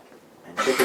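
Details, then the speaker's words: A small dog gives a brief, dry, non-productive, goose-honking hacking cough, set off by moderate pressure applied at the base of the trachea to demonstrate tracheal collapse. "that's what I was that almost Goose goose not really productive dry hacking cost"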